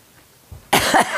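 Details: Elderly grandmother coughing strongly during a family visit, which she attributes partly to medication: a single harsh cough after a quiet lead-in with a brief throaty follow-through.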